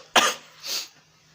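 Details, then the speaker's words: Staged demonstration by a student of sneezing or coughing into a disposable tissue when no mask is available: a sharp, explosive burst, then a softer hissing breath out, like a single sneeze. "Disini saya akan mempraktekkan Salah satu cara mencegah virus korona dengan cara batuk atau bersin jika tidak ada masker batuk atau bersin harus menggunakan tisu sekali pakai"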